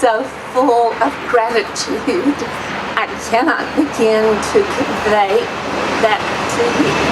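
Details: Adult woman with voice tremor that her doctor calls essential tremor; she herself describes her voice as shaky. Voice tremor (essential tremor).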